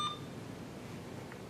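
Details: One short electronic beep, then quiet room noise: an IV infusion pump acknowledging a keypress while setting the rate (125 mL/h) for maintenance IV fluids during a training demonstration.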